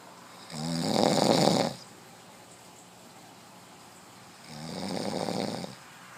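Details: A man sleeping and snoring: two loud, rough, buzzing snores about four seconds apart, each over a second long, with quiet room noise between. Ordinary snoring.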